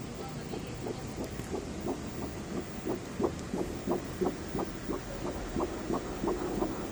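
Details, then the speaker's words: Fetal heartbeat on ultrasound at 11 weeks 4 days of pregnancy: fast, regular whooshing beats at about 176–179 per minute, a normal rate. "Alright, that's the baby's heartbeat. Okay. 179, that's normal."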